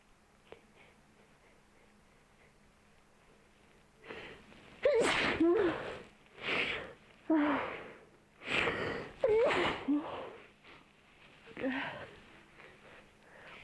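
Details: Repeated sneezing after a nose cleaning (ASMR): after a quiet start, a rapid run of about six sharp, snorting sneezes from nasal irritation.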